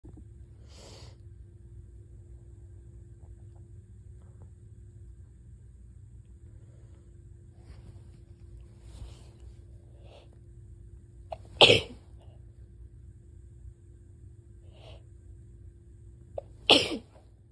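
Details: Two loud, harsh, desperate, barking sneezes after a quiet stretch with faint breaths and room hum, followed by a blessing; sneezing.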